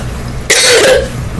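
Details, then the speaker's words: Adult coughing after waking; wheezing and rumbling in the chest began after lying down on the back to sleep, with a slight wheeze even when sitting fine. "I'm like what the heck I was just fine I mean you could you could hear it all the rumbling in my chest I'm like what the heck and I'm coughing and coug"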